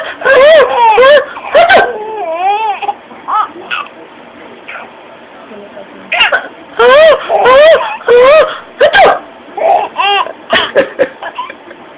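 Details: 4-month-old baby: bursts of high, wavering vocalizing shifting between crying and laughter-like sounds, with pauses between bouts; sneezing also mentioned; infant cry.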